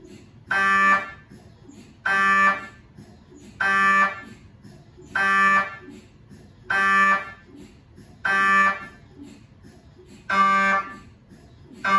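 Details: MRI scanner noise recorded inside the scan room of a GE Healthcare 1.5T or 3T system: loud regular buzzing tones in bursts, about 39 a minute, with quiet gaps between them during a scan.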